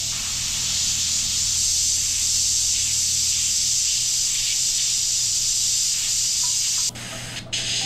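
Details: Dental air-water syringe spray: continuous hissing spray from an air-water syringe directed at a Yirro+ self-cleaning mirror at 6x magnification to show water not staying on it, stopping abruptly near the end.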